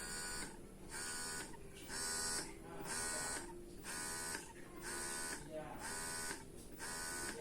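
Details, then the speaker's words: Electric breast pump switched on during an unboxing review, noise judged fairly disturbing: rhythmic buzzing motor cycles about one a second, a fairly loud mechanical hum. "didengar kira-kira kekuatan suaranya seperti itu kalau menurut Gita lumayan mengganggu"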